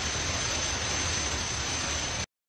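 Steady broad roaring hiss, a simulation of the roaring type of tinnitus.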